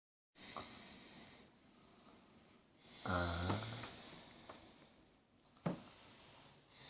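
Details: Adult woman asleep: a single loud, rattling, low buzzing snore on an inward breath between quieter breathing over room hiss; snoring.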